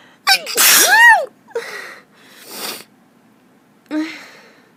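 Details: Person sneezing repeatedly from allergies: a run of several loud, voiced sneezes with sharp inward gasps between them, in a quiet room.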